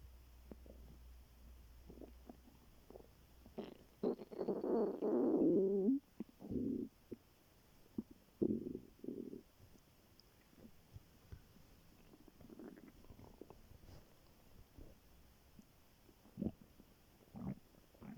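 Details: Stomach growling recorded on waking in the morning by a very hungry student before skipping breakfast: irregular gurgling rumbles and squeaks from the belly; borborygmi.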